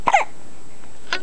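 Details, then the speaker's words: Infant boy aged 3 weeks 4 days, weighing 8 lb 7 oz, hiccuping after a bath and a feed: a single short, abrupt voiced gulp followed by a faint second catch. "okay we've just had a bath and a feed and naturally now it is hiccup"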